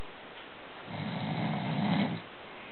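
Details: One low, rumbling snore from a sleeping friend, building on an in-breath over about a second, then quiet; ordinary snoring.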